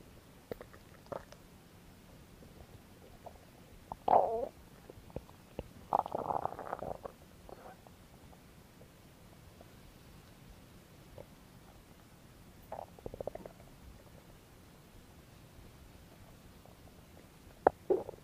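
Irregular gurgling and rumbling belly noises in a quiet room, with a few louder bursts; ordinary stomach growling.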